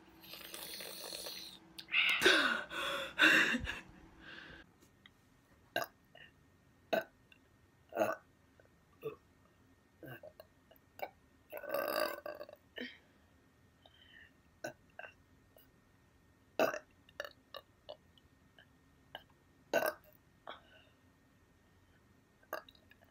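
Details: Brief, sharp, abrupt sounds repeating about once a second, typical of a child's hiccups.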